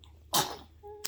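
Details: Single sharp, airy sneeze from an infant, with a brief faint voiced sound afterward.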